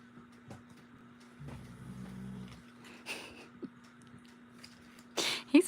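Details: One low, buzzy, rattling snore lasting about a second from a tired sleeper on a rainy, cold day, heard faintly in a quiet room with a steady hum and a few small knocks.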